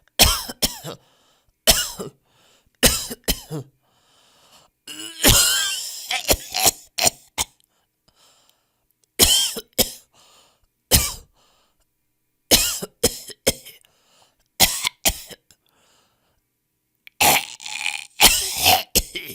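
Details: Many short, sharp cough bursts in clusters from different people, varying in force and tone, with some throat clearing; a compilation of different cough styles.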